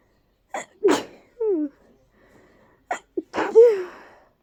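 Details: Sneezing fit from allergies flaring in bloom season, after being stuffy all day. Two sharp, powerful, partly stifled sneezes, each with a quick in-breath before, in a quiet room.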